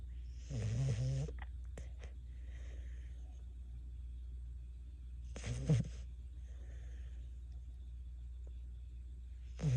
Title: Bentley snoring with his eyes open